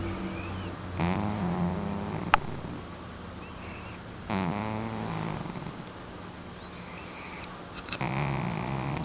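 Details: A cat snoring while asleep: soft, buzzy snoring breaths over a steady background hum, with a brief click.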